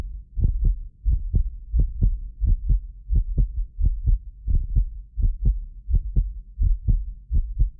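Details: Heartbeat of a self-described medically fit person, recorded with more than six precision contact microphones; regular low lub-dub about 87 a minute, occasional doubled clicks from the roughly 6 ms microphone delay, not the heart; normal heart sounds.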